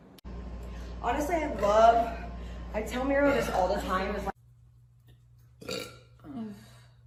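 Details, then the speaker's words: Wrestler (WWE/AEW) burping, apparently after kombucha: two long, loud, croaking burps, then "oh my God excuse me, let one rip" and faint voices; burping. "uh oh my God excuse me let one rip"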